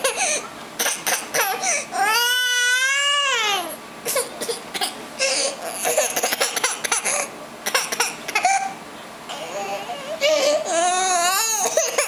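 Infant crying in long wailing bursts, mixed with shorter fussing and babbling sounds in a small room; ordinary crying with no medical cause.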